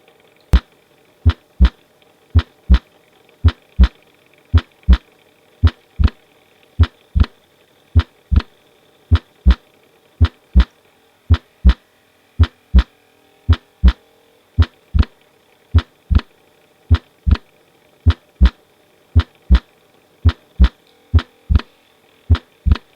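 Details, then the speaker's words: Regular crisp S1 and S2 with a loud P2 louder than A2, from pulmonary hypertension, heard during inspiration and expiration. "يبقى اللودي بي 2 بيبقى اكتر قديني شايف هنا البي 2 اعلى من الاي 2"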